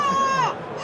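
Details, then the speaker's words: Brief, high-pitched wailing infant cry played back as a recording, with room noise, at a trade-show demonstration of a device detecting baby cries. "so hopefully the sound is uh high enough and you could hear the device saying detected baby cry it's like a trigger yeah is it trigger word no it's a trigger words it's a trigger sound sound yeah it could be any baby it's not the same baby"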